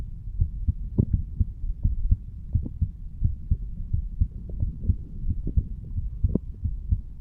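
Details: A 35-year-old male, standing, recorded his own heartbeat at the mitral (bicuspid) valve area: steady low, dull thumps with a faint background hum, normal heart sounds.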